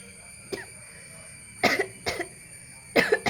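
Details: Cough during a sneezing challenge: the nose was tickled, but coughs came instead of sneezes, with watery eyes. A faint throat sound, then three short, sharp coughs in quick succession.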